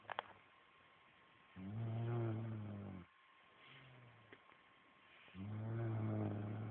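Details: Female friend asleep and snoring: two loud, low, rattling snores separated by a softer, quieter breath, in a regular sleep-breathing rhythm.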